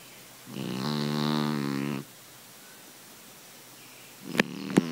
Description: My cat snores like a grown man